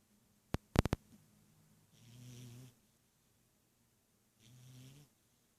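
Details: Sleeping cat snoring: a few sharp clicks, then two soft, low rumbling snores a couple of seconds apart.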